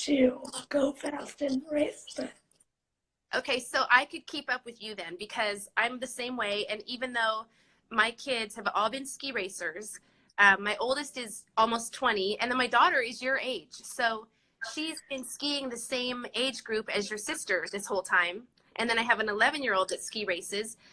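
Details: Adult woman speaking; normal speech.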